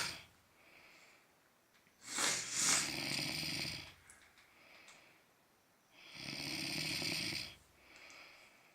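Harsh, hissing snores with a rough flutter on breaths in, roughly every four seconds, with quieter breaths out; loud adult snoring.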